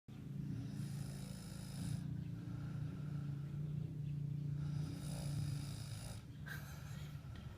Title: snores quietly :-)